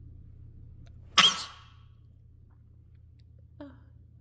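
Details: Person exhaling before sneezing while trying to produce rapid-fire sneezes: one sharp sneeze burst and faint small, quiet sneezes; sneeze.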